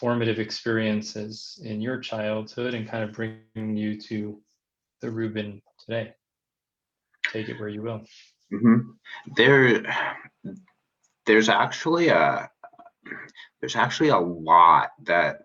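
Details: Stuttering in an adult man who identifies as a person who stutters; finding: stuttering.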